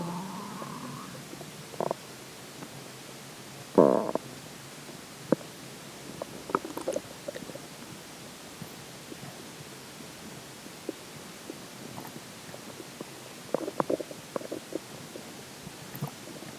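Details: Stomach growling: scattered gurgles, pops and brief squeaks over a steady hiss, from fluid and gas shifting in the gut; borborygmi.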